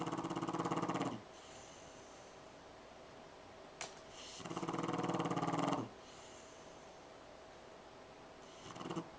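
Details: Rex, a French Bulldog, snoring on the couch, usually loud enough to drown out the TV: rattling, fluttering snores on each in-breath roughly every four to five seconds over steady room noise; snoring.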